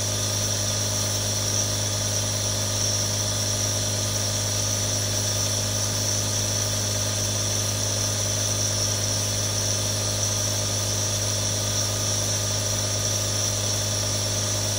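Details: Real sounds from one of three different nebulizers: a steady mechanical hum with a buzzing hiss from the running compressor, unchanging throughout.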